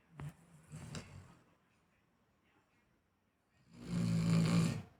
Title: Dog snoring 😴 in home